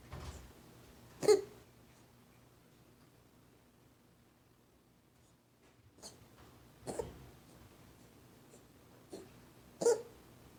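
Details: Highlander kitten coughing, not a hairball per owner; occurring once a day for a few weeks, recently 5–6 times in 30 minutes; cough.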